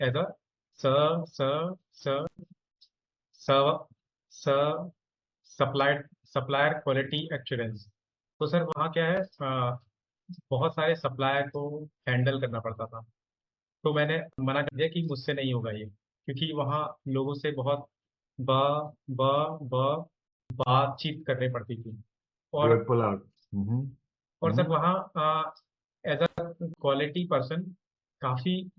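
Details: Adult who stammers, practising stammering techniques (pullout, cancellation) in an online group session, with audible sound repetitions; stuttering (stammering).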